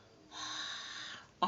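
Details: A long, high-pitched, strained indrawn breath followed by an abrupt burst: the whoop of whooping cough (pertussis).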